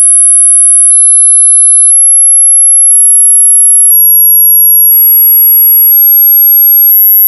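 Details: Hearing test: steady very high-pitched pure tone stepping slightly higher; claimed age thresholds 19000Hz under 20, 18000Hz under 23, 17000Hz under 25, 16000Hz under 30, 15000Hz under 40, 12000Hz under 50 years.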